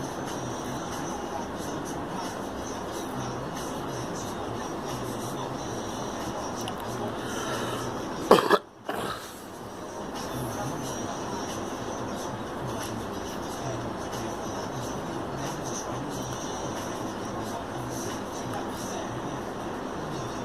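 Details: A girl coughs once briefly while being coached to sip a drink, over steady background music and room noise.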